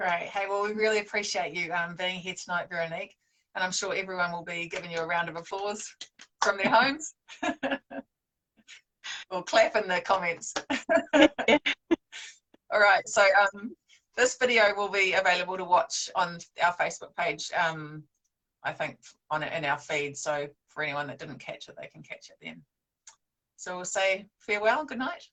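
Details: Adult woman speaking; normal speech.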